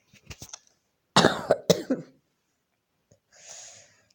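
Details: A short burst of about three coughs after brief throat sounds, then a breath out, from a speaker who says she is slightly ill while playing a game; cough.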